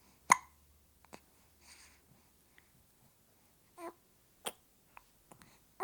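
Short, sharp hiccup sounds at irregular intervals from a young infant, with soft babbling between them; ordinary infant hiccups.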